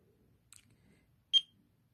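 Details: A click, then a single short high-pitched beep from a personal handheld ECG, pulse-oximeter and heart-rate monitor, as the patient places a finger in it; the patient gets short of breath and sees many doctors.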